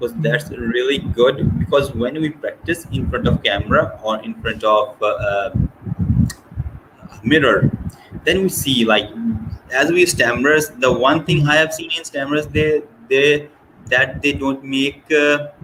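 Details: Male host who has stammered since childhood, stammering worse under pressure; clip has word repetitions and filled pauses; stuttering.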